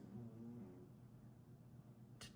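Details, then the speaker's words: Big orange cat snoring while resting: a low, buzzing rumble, then quieter breath noise and a brief click. "here on your FYP for the first time. That's a big orange cat snoring."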